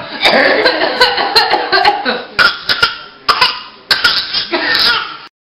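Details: Infant laughing, then giving short deliberate cough bursts imitating his uncle's cough; a playful voluntary cough, not a sign of illness.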